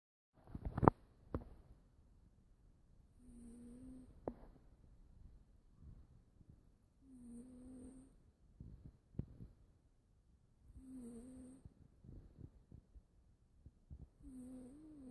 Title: Monster snores